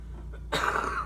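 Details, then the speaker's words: Simulated patient with chest tightness in small-volume nebulizer training, asked to cough: one forceful, rough cough with wet gurgling suggesting airway secretions, no sputum produced. "okay I could hear that there's some gurglings in there so it didn't um have any spon so we'll just toss that one out"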